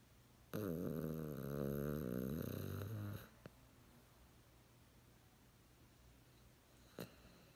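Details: Sleeping rat terrier dog snoring like a human: one long, rattling, voiced snore of about three seconds, then quiet room noise.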